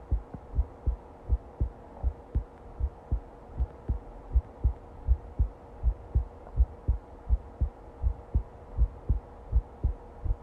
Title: Long heartbeat recording